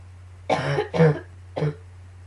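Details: Cough during a coughing fit combined with allergies, with a few sneezes: three short, harsh coughs in quick succession.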